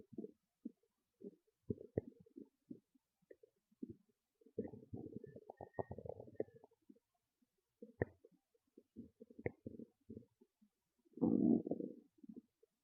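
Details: Loud stomach growls and gurgles: frequent low gurgles, bubbling clicks and longer rumbling growls from the abdomen; ordinary active bowel sounds (borborygmi).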